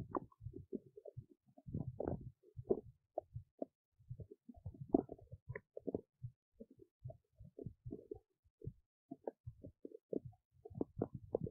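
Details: Big belly noises while digesting oats: frequent gurgles, pops and short rumbles in a quiet room, ordinary digestive bowel sounds.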